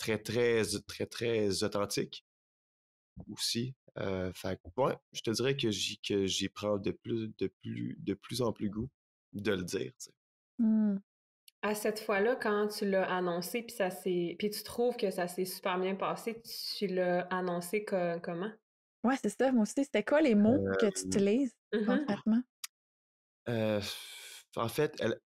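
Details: Stuttering in an adult man in his thirties, a French speaker, real speech.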